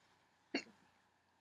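A single short, abrupt voiced gulp in a quiet room, typical of a hiccup.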